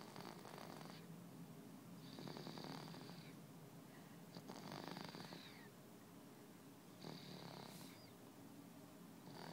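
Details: Snoring: soft, rhythmic rumbling snores with each breath, roughly one every two to three seconds, over low room noise.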